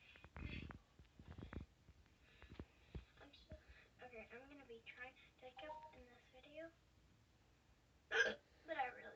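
Quiet speech is broken by sudden, sharp catching sounds, with a louder hiccup near the end, consistent with hiccups.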